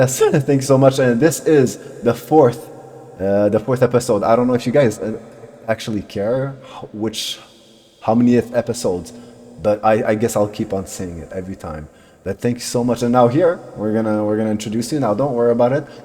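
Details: Adult male speaker; Normal speech.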